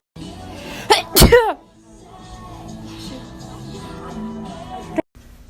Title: sneezing